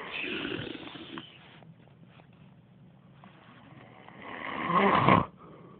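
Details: Adult man (boyfriend) snoring in sleep: two rough, rattling snores about four seconds apart with quiet breathing between; ordinary sleep snoring.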